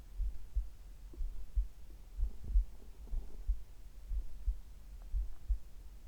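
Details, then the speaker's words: Slow, regular heartbeat at about 60 beats a minute, recorded together with stomach gurgling; normal heart sounds. "心音はゆっくり聞こえたでしょうか。"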